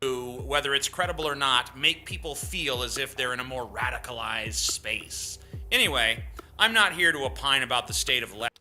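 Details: Adult male speaker; typical speech.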